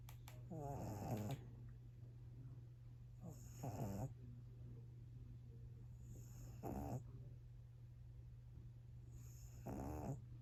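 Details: Pug puppy sleeping soundly after play, worn out: rattling, fluttery snores about every three seconds over a low room hum; snoring.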